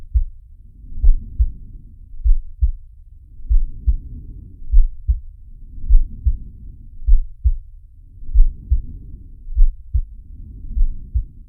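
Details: Animated cartoon sound effect of Sharky's heartbeat and breathing: regular paired low thumps at about 50 beats a minute, with soft breath swells about 25 times a minute.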